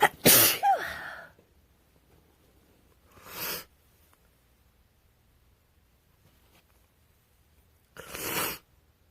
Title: Winter Cold sneezes